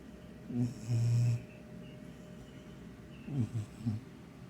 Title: Snoring (and dreaming) cat sounds like an old man